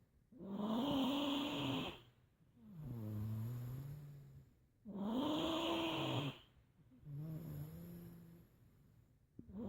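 Rhythmic snoring, a rough pitched rattle on each breath in and a softer breath out, about 14 breaths a minute.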